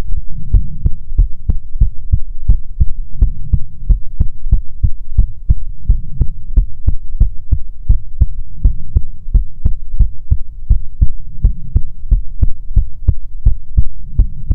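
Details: Heartbeat recorded for ASMR relaxation: steady, regular deep thumps at roughly 90 beats a minute with a low hum underneath; ordinary heartbeat.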